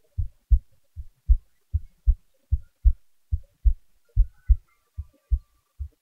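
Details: Clear, regular low lub-dub beats at about 80 a minute from a self-recorded heartbeat with volume boosted; normal heart sounds.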